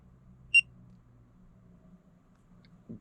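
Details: A single sharp electronic beep over faint room hum from a MED LINKET AM801 5-in-1 fingertip pulse oximeter as a finger is placed to start a measurement; pulse oximeter beep.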